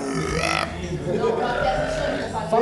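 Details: A loud, rumbling, voiced belch from the throat with surrounding noise; burping.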